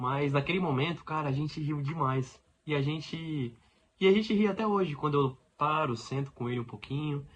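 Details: Adult man who lives with stuttering every day; stuttering.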